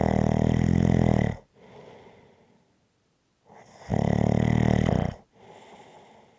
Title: Snoring Sounds to Relax to after a hard day.